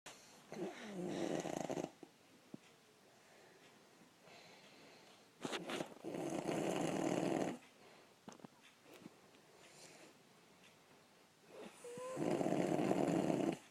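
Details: Father snoring while Bobo tries to sleep: loud, rough snores at regular intervals with quiet pauses between, about four breaths; ordinary snoring.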